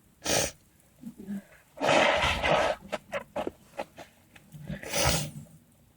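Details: A sharp random sneeze, then a longer explosive burst with short sniffs after it and another sneeze-like burst.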